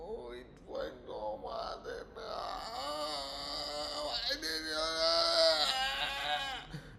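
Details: A low, croaking grunt during sleep in a young child under two years old, resembling the noisy breathing of respiratory distress or stridor.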